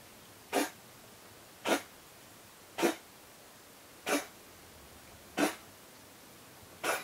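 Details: Six short, dry coughs at a steady pace, about one per second, in a quiet room, as a pet cat approaches looking worried about the coughing.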